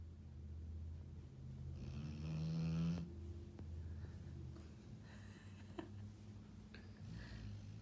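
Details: A sleeping dog gives a single low, rattling, buzzing breath sound over steady room hum, then quiet breathing noise. Snoring.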